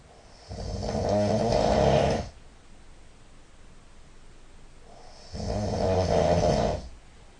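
Two long, loud, vibrating snores on the in-breath, roughly five seconds apart, with quiet pauses between; heavy snoring.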